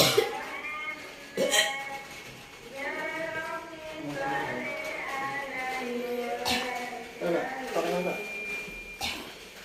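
Several harsh cough bursts between strained, voiced retching sounds: coughing hard enough to cause gagging.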